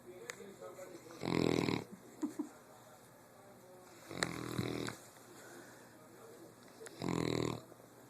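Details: Sleeping dog snoring loudly: three loud, rough snoring breaths separated by quiet pauses in a small room; snoring.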